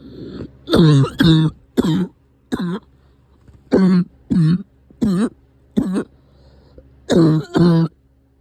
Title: Cough is back